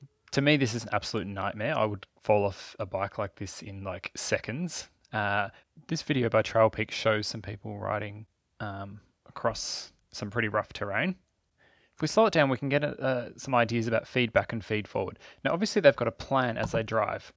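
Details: Adult male speaker; typical speech.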